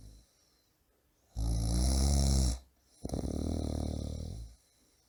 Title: Ronco Pessoa Roncando Alto - Homem Roncando - Efeito Sonoro - Snoring Person - Snoring Loudly